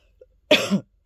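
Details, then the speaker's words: A single short, harsh adult cough with a slight throat-clearing quality in a quiet room, from a speaker with a hoarse voice and a blocked nose. "excusez-moi donc bon voilà je vais pas vous la lire c'est compliqué avec ma voix cassée et mon n bouché"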